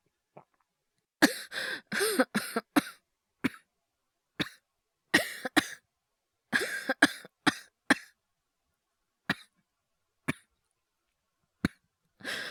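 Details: Simulated coughing acted by a male VTuber voice actor, compiled from a cough, asthma and hyperventilation voice series: clusters of short dry coughs and single coughs separated by silence, about 20 coughs in all.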